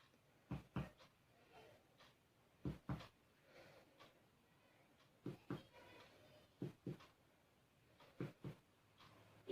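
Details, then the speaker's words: Finger percussion below the left costal arch over the stomach: paired taps give a hollow, drum-like tympanic note. "merupakan oleh suara timpani yang menetapkan ini merupakan organ lambung"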